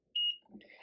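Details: A single short high-pitched electronic beep from a PCA infusion pump confirming the entry after the loading dose is accepted and the pump door is closed and locked.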